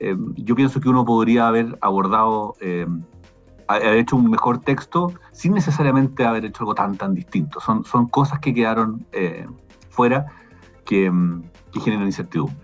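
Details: Adult male speaker; Normal speech.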